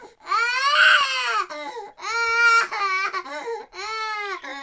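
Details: Rhythmic high-pitched wailing cries in short bursts, a recorded baby-crying sound effect played by a software robot when a USB drive is removed; simulated infant cry, not a real baby.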